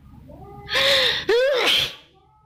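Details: High gasping intake then a loud voiced sneeze with a squeal, triggered by a COVID-19 PCR nasal swab test; sneeze.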